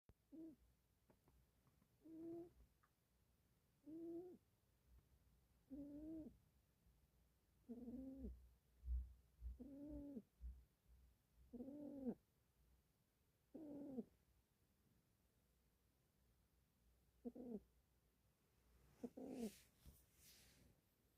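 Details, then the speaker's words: A sleeping pet dog snoring: soft, whistling, hoot-like snores repeating steadily, about 28 per minute. "우리 젤리 코골면"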